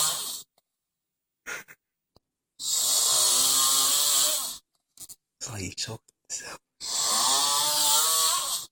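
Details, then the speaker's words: Heavy snoring from a sleeping roommate, recorded on a phone: loud, harsh, rasping snores about two seconds long, separated by pauses with brief snorts and clicks. "My roommate snored. Hey, don't you know how to snore this quiet?"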